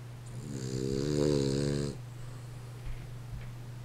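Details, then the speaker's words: Sleeping pet snoring so loudly the owner remarks on the noise: one drawn-out, buzzing, pitched snore lasting about a second and a half over steady room hum, then quiet breathing. "Oh my god tem vergonha NA cara tem faz muito barulho para n acordar ele viu OSS olha O ronco do bicho"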